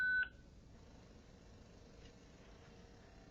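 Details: Single brief electronic beep from a Zoll X Series defibrillator monitor just after a shock to a SimMan simulator manikin, then quiet room noise; defibrillator tone after shock delivery.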